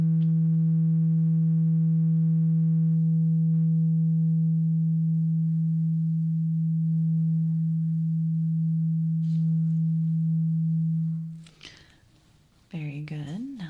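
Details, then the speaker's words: Pure, steady low tuning fork tone fading over about eleven seconds, in an ASMR role-play ear exam. It is a hearing test with eyes closed for simulated clogged ears from wax build-up, done before cleaning. "So, I am going to get a tuning fork and I need you to close your eyes and I want you to tell me when you hear the tuning fork sound."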